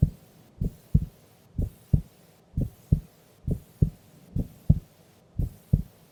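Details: Female recorded asleep during an afternoon nap: steady paired lub-dub heartbeats at about 60 a minute with a quiet background hiss; normal heart sounds.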